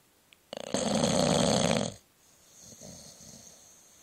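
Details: Bulldog sleeping and snoring, recorded by a phone about 30 cm away.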